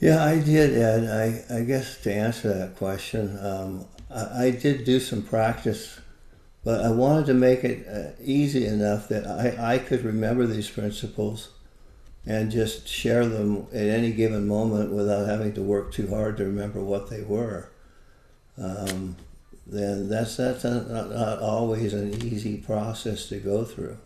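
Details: Adult man with Parkinson's disease for more than 20 years, with visible shakes and reported moments of "a stupor of thought"; Parkinsonian speech with frequent word and phrase repetitions, possible hypokinetic dysarthria.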